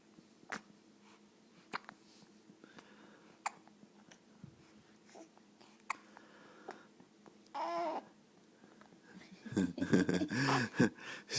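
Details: Bailey: sharp, brief hiccup jolts about once a second, then short whining vocal sounds in a quiet room; ordinary hiccups.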